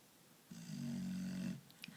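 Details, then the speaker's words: Small female puppy snoring loudly while asleep: one drawn-out, buzzing snore about a second long followed by a small snort; owner raises her head to reduce it. "does everybody hear that giant overweight man sound that would be coming from this little lady puppy she's so cute until you try to get some sleep that's what she sounds"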